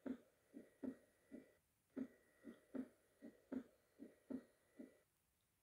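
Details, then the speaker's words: Opening snap, diaphragm chest piece at the mitral area, patient supine: regular heart sounds near 77 per minute with a sharp early diastolic snap, higher-pitched than S2 and mimicking a split S2, from a stenotic mitral valve. "opening snap is heard as a snap early in diastole higher pitch than s2 so it can easily mimic a splitted s2 it is caused by the sudden opening of stino's to metal wall with left atrial contraction"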